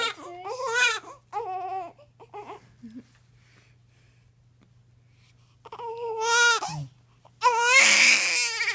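Several loud, high-pitched crying bursts with pauses between them from a newborn just after birth.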